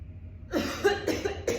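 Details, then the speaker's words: Patient with spinal cord injury, seated, doing a manually assisted cough with a student physical therapist: deep breath, two-second hold, then three coughs while the therapist pushes down and in on the rib cage. "Taking that deep breath in, holding two seconds, and then coughing. And with your rib cage, I'm just going to be pushing down and in."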